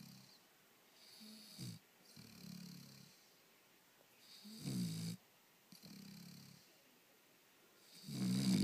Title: Snoring dog Barney!